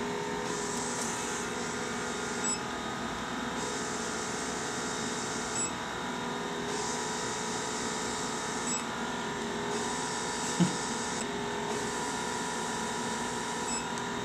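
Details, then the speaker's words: Isolaz vacuum skin treatment on a man's face, third session, infusing a leave-on solution; patient reports much lighter, relaxing suction; steady mechanical hum with rhythmic pulsing hiss and faint clicks every few seconds. "it feels like it's a much lighter suction mhm and it's it's almost relaxing"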